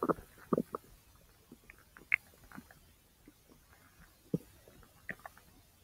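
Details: Ordinary bowel sounds (borborygmi) recorded from own abdomen over the large intestine: scattered short gurgles and clicks in a quiet background.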